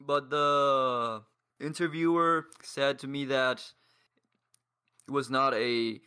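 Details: 22-year-old man from Paraguay who has stuttered for as long as he can remember; stuttering with blocks and pauses.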